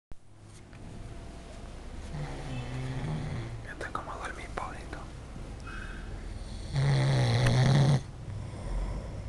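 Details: Person snoring loudly like a dog: loud, rattling snores with a deep buzzing inhalation, building to one long harsh snore near the end.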